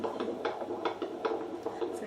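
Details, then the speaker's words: Routine antenatal check with a handheld Doppler, listening about a minute, picks up a rapid, regular whooshing fetal heartbeat of about 150/min, within the 110–160 normal range; normal fetal heart sounds. "I'm going to listen to the baby's heart rate so we generally listen for about a minute when doing the fetal heart rate"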